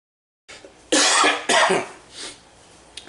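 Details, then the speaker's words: Adult with COVID-19 coughing at 2:30 am on the third night unable to sleep lying down, sleeping in a living-room chair: two harsh, throaty cough bursts close together in a quiet room. "so now it's uh 2 30 in the morning and i can't sleep laying down again coughing so am i sleeping in the living chair again uh this sucks man sucks this is third night i can't sleep laying down i hope it's better"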